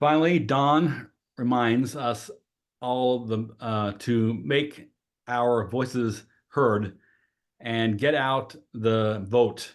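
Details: Adult female with aphasia who has voted with aphasia for 20 years; hesitations and fillers; aphasia.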